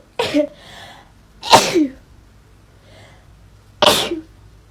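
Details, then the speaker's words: Sneezing triggered by the nasal swab of a lateral flow test: three loud, abrupt sneezes in quick succession with brief quiet breaths between, leaving the person's eyes watering. "I thought I would film myself doing a lateral flow test just to show you how much it makes me sneeze I hate doing that for everyone this is going to make me sneeze"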